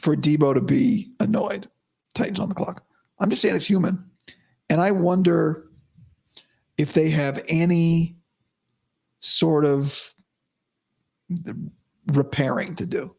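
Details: Male host with dysphonia about five to five and a half weeks after vocal cord surgery; he reports daily improvement but likely unchanged from yesterday after heavy voice use and no sleep.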